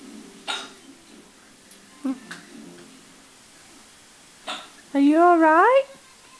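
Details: Oskar with hiccups: brief, sharp hiccup-like jerks with soft gulping sounds, ending in a drawn-out whine, in a quiet room.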